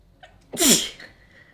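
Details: A single sharp sneeze: brief in-breath, then a loud hissing burst of air fading quickly.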